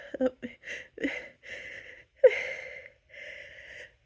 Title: loud, powerful, hitchy buildup sneezes